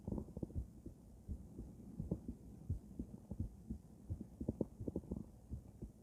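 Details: Normal heart sounds of a female, auscultated with various stethoscopes at Erb's point, mitral, tricuspid, aortic and pulmonic areas: regular low thumping heartbeat about 85 a minute, no added noises.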